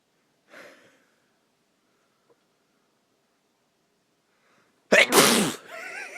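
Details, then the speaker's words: Allergy sneeze: a faint breath, then one loud, sudden sneeze burst followed by a brief exhale. "Sneeze."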